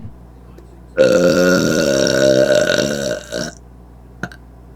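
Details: One long, loud, rumbling burp lasting about two and a half seconds, then a brief small sound; a prolonged belch.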